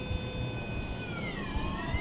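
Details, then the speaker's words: Phacoemulsification machine tones during topical phaco cataract surgery for NS3 nuclear cataract; nucleus fragments emulsified at the iris plane, patient slightly squeezing the eye; steady electronic tones gliding downward over a soft pulsing hum. "Then, I'll bring them at the plane of the iris and emulsify. And if I emulsify them after it's in the AC, always emulsify them at the plane of the iris."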